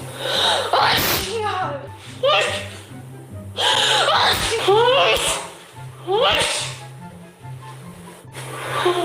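Several sharp sneezes in quick succession, some with a drawn-out intake before them; music plays underneath.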